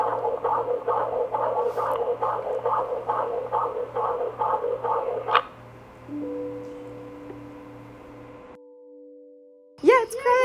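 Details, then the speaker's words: Fetal heartbeat from a prenatal ultrasound scan, recorded by the mother to save for her absent partner, played back: fast, regular whooshing pulses at about 136 a minute. "be there and that was you know the first time i got to hear the heartbeat of the baby and that was really an emotional time for me um and so i actually did another scan so i can record that heartbeat for him so i could save that"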